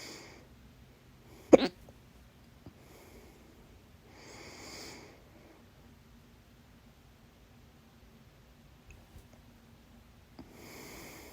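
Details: One loud, abrupt hiccup-like burst in a quiet room, with a few soft breaths and faint sounds afterward: a hiccup, recorded 7/25/22.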